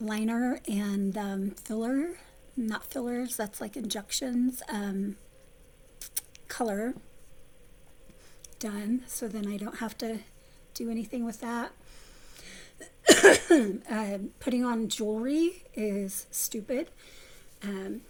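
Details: Vocal tremor from essential tremor in an adult woman, about 3–4 years' voice involvement, before focused ultrasound treatment; previously near-whisper, improved somewhat after stopping a medication causing voice loss.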